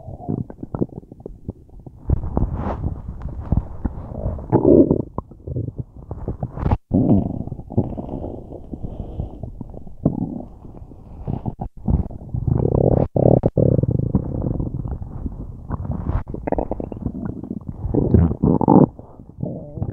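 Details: Loud bowel sounds from a person with a tummy ache: long, low gurgling and rumbling with bubbling surges throughout; borborygmi.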